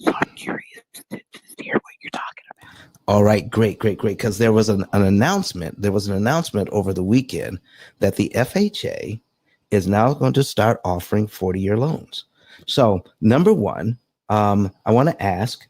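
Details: Adult male speaker; normal voice.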